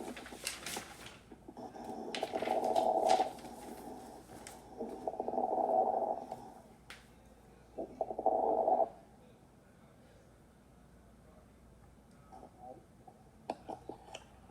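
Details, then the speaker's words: Lung sound example from a respiration lecture: breath sounds with brief, fine crackling noises during breathing; fine crackles. "Then what we have is, here's fine crackles. Let's see what we got."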